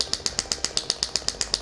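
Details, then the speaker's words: A compressed-air shockwave therapy device with projectiles inside, demonstrated with adjustable frequency and power, fires sharp, regular clicking pulses, about eight per second, with the handpiece against the body. "because it's using a compressed air, between the time you actually press it to the time it actually gives the full power"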